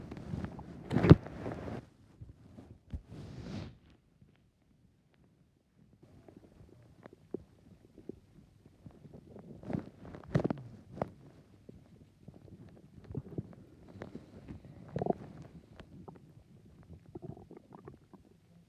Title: My stomach growling haha